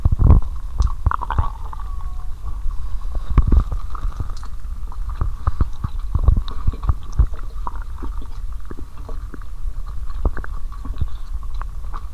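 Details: Belly sounds during a Mentos and 1.5 L cola challenge, recorded before lying down for stethoscope recording, stomach described as at its limit; bowel sounds.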